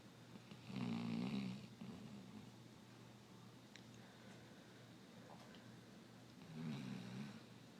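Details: 3-year-old Basset Hound snoring while sleeping: two rough, low snores about six seconds apart with quiet breathing between; ordinary snoring.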